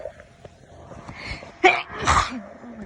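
Two muffled, suppressed sneezes in quick succession after a short inward catch of breath; stifled sneezing.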